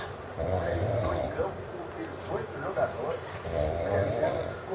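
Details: Loud, rough rumbling snores from a sleeping adult friend, repeating with each breath; ordinary snoring.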